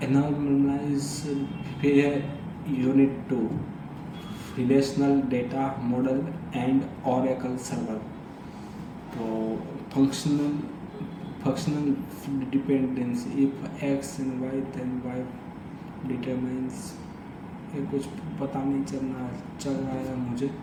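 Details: Adult man who stammers, doing daily speech practice (tongue and lip exercises, tongue twisters, breathing, story-telling); stuttering.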